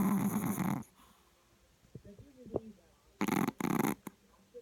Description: A chihuahua that snores louder than most humans!